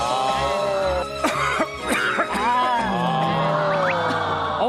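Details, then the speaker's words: Light, short coughs over background music, a demonstration imitating an acute cough of under three weeks from a common cold (upper respiratory infection), with postnasal drip tickling the throat; acute cough. "3주 이내로 우리가 기침을 하게 되면 소리를 통해서 들으신 것처럼 기침을 하게 되는데 중간에 잘 들어보시면은 하고 기침을 하죠. 상기도 감염이 있다는 뜻입니다."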